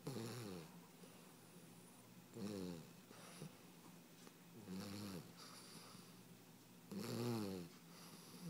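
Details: 16-week-old puppy sleeping on its owner's lap, snoring rhythmically with a rattling snore about every two and a half seconds and soft breathing between; snoring.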